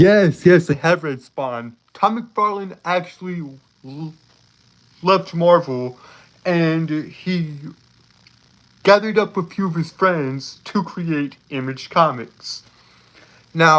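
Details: Male streamer with a self-reported speech impediment that makes him stutter over his words; stuttering.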